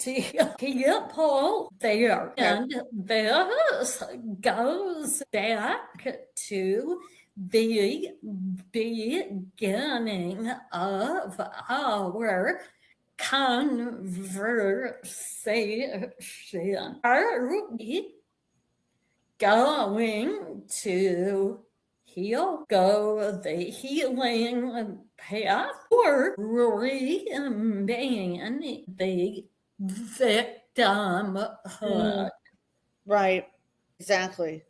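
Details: Vocal tremor in an adult woman, described as developing after decades of narcissistic abuse and trauma and manifesting in the body and nervous system; vocal tremor.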